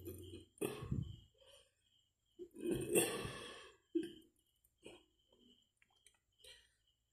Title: ASMR BURPING EATING